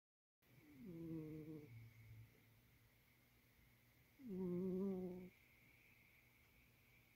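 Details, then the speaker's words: A sleeping barn cat snoring indoors: two soft, droning, slightly buzzing breaths a few seconds apart, about 17 a minute, in a quiet room. "snoring. You were snoring. Yes, you were. You were snoring."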